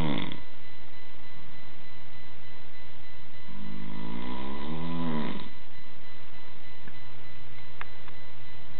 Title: My Dad Snoring [Part 2]